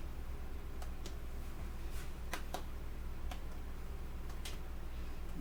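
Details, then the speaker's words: Normal resonant percussion note from light finger tapping on the front of the chest of a 60-year-old woman during a respiratory assessment. "i'm gonna do the tapping uh just like i did from the back i'm gonna do the same thing in the front okay"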